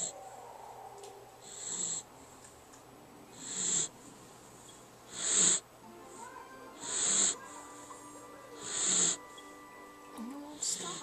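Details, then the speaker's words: Awake Jack Russell terrier, eyes open and relaxed, that does this all the time (owner wonders if it is asthma): repeated hissing, snorting noisy breaths roughly every two seconds, faint background music; snorting upper-airway noise. "is he snoring with his eyes open this is this normal he is just chilling he's like snoring like a breathing condition is that like asthma for dogs"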